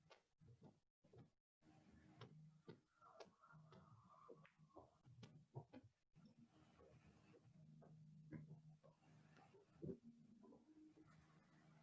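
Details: Korotkoff sounds in pulsus paradoxus (systolic pressure drop greater than 10 with inspiration): faint soft taps come and go over a low hum, with a loud rustle at the end.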